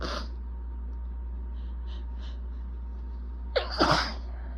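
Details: Breathy intake then a forceful sneeze over steady electrical hum; itchy, desperate allergic sneezing fit with building congestion, recorded 3/21.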